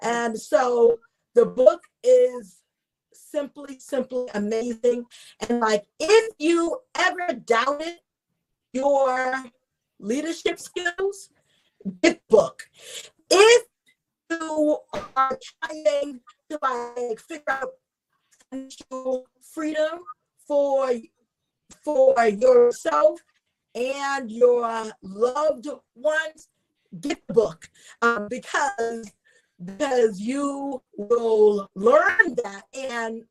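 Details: Adult woman, a self-identified stutterer who is also a traumatic brain injury survivor, with stuttering: she gets stuck on words and repeats words.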